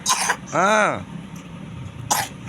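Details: Child with a cold and discharge from the eyes and nose, told to avoid iced drinks and candy; short rough throat-clearing bursts with a brief voiced sound between them, over light background noise; throat clearing.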